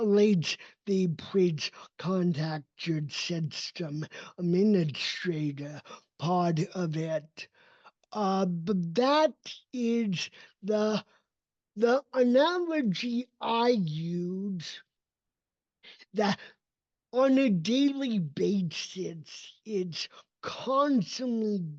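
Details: Adult male with cerebral palsy, a neurodevelopmental disability; his speech did not develop until age seven, after extensive speech therapy, and still needs ongoing training; real speech; dysarthria.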